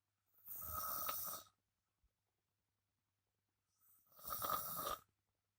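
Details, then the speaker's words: Man snoring loudly in a dark bedroom with the lights off, recorded 21 April 2019. "Bukan terlihat ya, maksudnya terdengar suara ngorok alias mendengkur."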